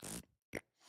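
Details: Male streamer with a self-described tic disorder, like a milder form of Tourette's, whose pig-like or fart-like noises are his tics; vocal tic.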